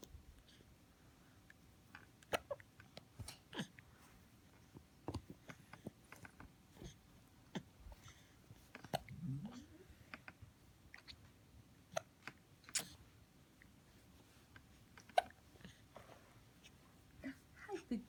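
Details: Infant boy with hiccups: brief, sharp little catches recurring every second or two, with soft baby noises between, in a quiet room.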